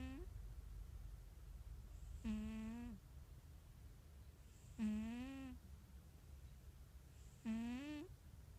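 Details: Sleeping cat snoring, described as wheezy: three tonal, whistling snores about 2.6 seconds apart, roughly 23 a minute, with quiet room noise between.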